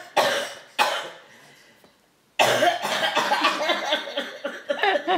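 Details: 10-month-old infant imitating a grandparent's cough: two short, forceful cough-like bursts followed by voiced babble-like sounds; imitated cough.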